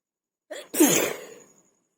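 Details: Single ordinary human sneeze: a quick inward breath followed by one forceful, explosive sneeze that trails off.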